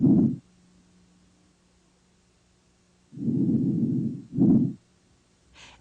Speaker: you should hear vesicular sounds at the apices down to the bases and laterally these sounds are low-pitched and soft with the longer inspiratory than expiratory phase